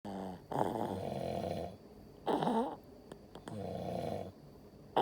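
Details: Sleeping baby boy snoring: three soft, groaning snoring breaths with a rough, vibrating quality in a small room.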